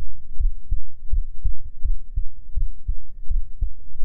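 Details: Binaural ASMR sleep-aid heartbeat, roleplayed as lying on a boyfriend's chest: steady, regular low thumps at about 80 beats a minute with a soft hum behind; ordinary resting heartbeat.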